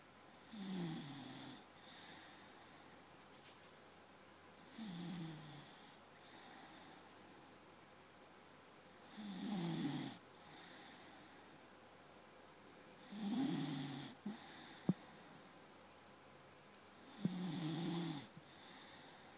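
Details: Morning snoring: regular rumbling snores on each breath in with softer breaths out, about 15 breaths a minute.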